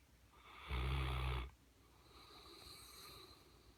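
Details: Snoring from a large Mastiff dog: one loud, deep, fluttering snore on inhalation followed by a quieter breath out; heavy snoring.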